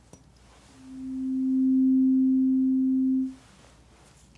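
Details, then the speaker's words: Simulated hearing test in a cranial nerve exam roleplay: a steady, pure, slightly higher-pitched tuning fork tone, moved between the ears, swells and fades over about two and a half seconds, then a brief rustle. "all right same thing just a slightly higher pitch we're going to move between your ears same as we just did sound good"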